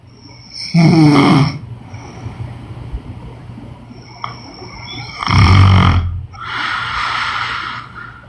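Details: Woman snoring in sleep: two coarse, snorting snores with quieter breathing between them, in a steady sleep rhythm.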